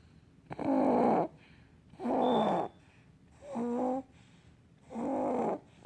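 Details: Snoring in a sleeping infant boy aged 2 to 7 months: four regular, fairly loud rasping snoring breaths, about 40 a minute.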